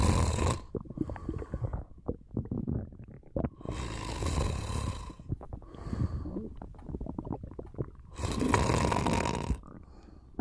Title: Just a little nap^^ Snoring and stomach sounds